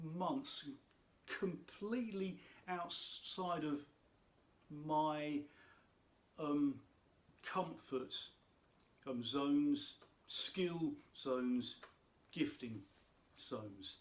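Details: Adult who states he has a stammer, which he says can be heard in his speech; stuttering.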